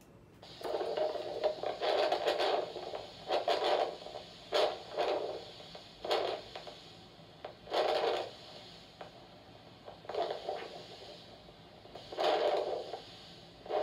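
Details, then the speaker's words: Handheld Doppler dorsalis pedis pulse at the foot, recorded for an ankle brachial index test (ABI 1, normal): a rhythmic whooshing pulse signal. "This is dorsalis pedis pulse of the left foot. Okay. This is the posterior tibial of the left foot. This is dorsalis pedis of the right foot."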